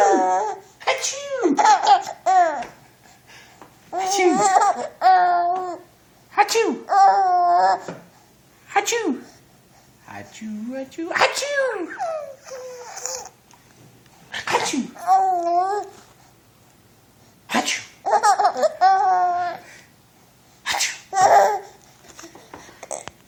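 An adult's repeated playful sneezes, each followed by a baby's bursts of giggling laughter.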